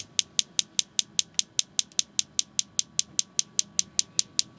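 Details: Focused shockwave therapy on anterior shoulder for chronic pain after past labrum tear surgery: sharp evenly spaced clicks about 150 a minute as device fires pulses.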